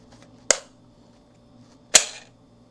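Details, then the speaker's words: Dexcom G7 continuous glucose monitor sensor insertion in a person with type 2 diabetes: two sharp snapping clicks in a quiet room as the spring-loaded applicator button fires the thin wire into the skin. "And then you'll hear it just pop, you'll feel it. It's a very, very thin wire that holds it in, but you do feel it when it goes in, at least I do."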